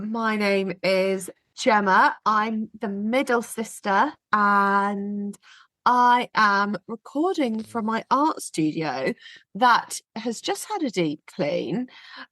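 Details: Adult woman speaking; typical voice.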